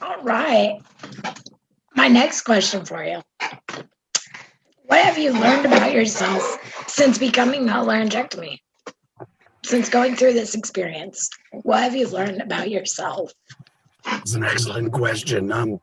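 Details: Adult woman speaking, with a second voice briefly at the end; normal voice.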